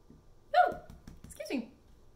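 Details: Hiccups caught during the recording of a piano lesson: two abrupt voiced gulps with a falling pitch, a second apart, in a quiet room.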